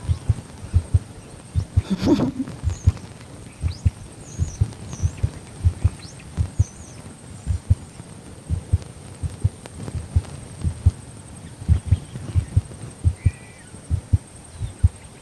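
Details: Heartbeat of a female Border Collie born November 2014, lying down calmly on command: steady normal thumps about 80 beats a minute.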